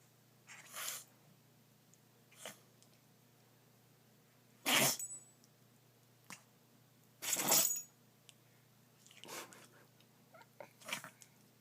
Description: When a chihuahua gets the sneezes.